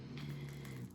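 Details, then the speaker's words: One low, steady, buzzing snore from a dog sleeping peacefully after eating, with faint room noise behind it. "So if you hear the snoring again, that's my dog, that's Edgar. He's just sleeping, having his best life after eating."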